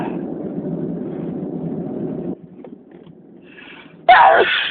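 Steady rumbling background, a quick intake of breath, then one loud explosive sneeze; part of a sneezing fit.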